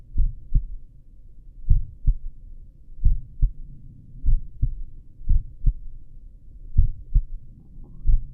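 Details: Adult's own heartbeat recorded with a stethoscope at the apex while lying down for a couple of minutes: clear, regular lub-dub pairs at about 60 a minute, normal heart sounds at a slow resting rate.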